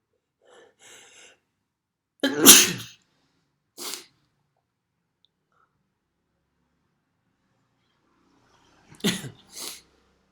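A sharp, explosive sneeze, then a smaller follow-up and a quick double sneeze, against near silence.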